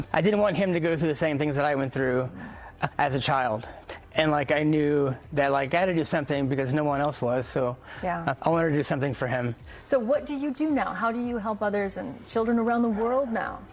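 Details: Adult man who stutters, founder of a stuttering nonprofit, who reports getting stuck on certain sounds, especially hello on the phone; a phrase repetition is heard here; stuttering.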